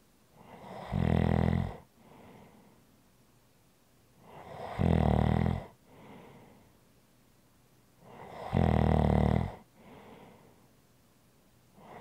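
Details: Snoring: loud, regular rattling snores on each inhalation, about 15 breaths per minute, with softer exhalations between them.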